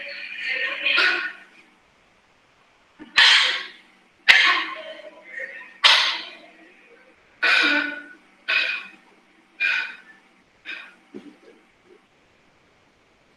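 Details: Dry (non-productive) cough.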